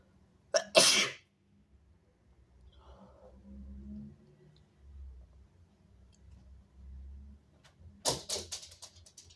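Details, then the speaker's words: Strong sneezes: two forceful sneezes, then quiet breathing and sniffing, then another burst of sneezes; the sneezer says it was so big. "Oh my god. Excuse me. It was so big. Whoa. I sneezed on you. Excuse me."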